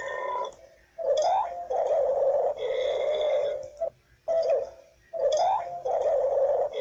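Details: Repeated burping: several drawn-out, rumbling belches with a gargly quality, following one another with brief gaps.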